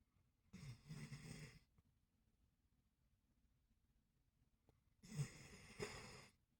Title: Trying to sleep and she starts snoring 😂 ❤️